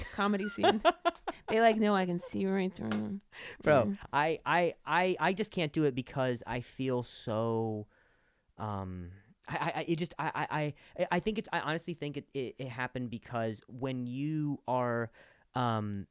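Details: Real stuttering in an adult host who stutters, speaking naturally on a comedy podcast; finding: stuttering.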